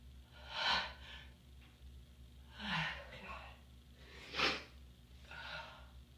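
Four sharp, breathy bursts about a second apart, each with a quick inhaled build-up, consistent with repeated sneezes; low room hum behind.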